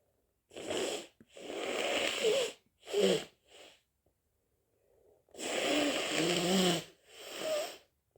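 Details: Hay fever on a sneezy day: several drawn-out, voiced sneezes with snorting in-breaths in quick clusters.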